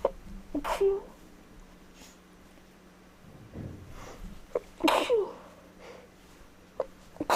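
Several sharp sneezes with quick indrawn breaths before them, then a sigh of relief. Repeated sneezing, here from allergy.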